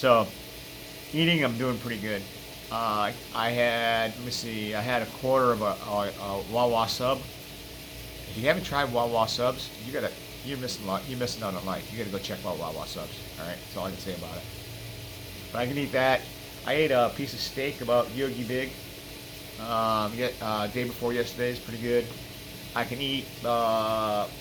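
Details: Adult man with throat cancer treated with chemotherapy and surgery removing part of the lower right tongue and much of the right pharyngeal constrictor, with lockjaw and recently regained tongue movement; air escapes into the nasal cavity; hypernasal speech with articulation impairment.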